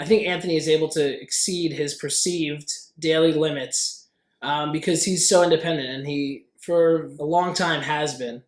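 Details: Adult speaker; normal speech.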